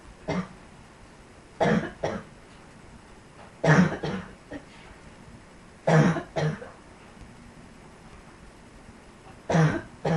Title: Yet Another Cough